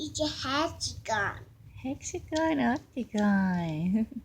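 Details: 3-year-old boy with mild autism spectrum disorder repeating shape words during play, with hand flapping and jumping; echolalia and vocal stimming.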